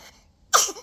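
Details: Infant grandson gives a single short, sharp, hissing sneeze after a moment of quiet; an adult wonders if he is cold and covers him with a blanket.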